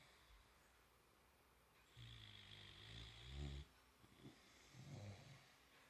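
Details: A boxer puppy sleeping with its tongue out, snoring.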